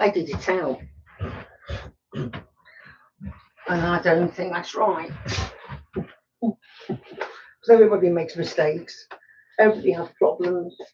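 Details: Adult male woodturner with Tourette syndrome; snorting and laughter vocal tics interrupt his speech.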